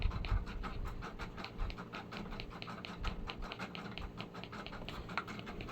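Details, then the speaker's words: Puppy panting in very hot weather: fast, regular shallow breaths, roughly 240 a minute, to cool down. "Hinihingal pa din si papey mga palangga oh dahil po sa sobrang init."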